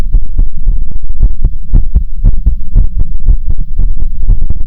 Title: Differents heartbeat sounds/différents sons de coeur 🫶🏻